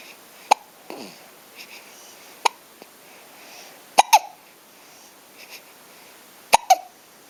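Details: Myla's hiccups: abrupt, sharp hiccups, some in quick pairs, five to six in seven seconds in a quiet room.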